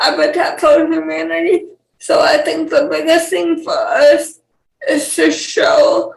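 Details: Dysarthria in a 28-year-old woman with cerebral palsy, who has speech issues that her fiancé, also with cerebral palsy, does not have.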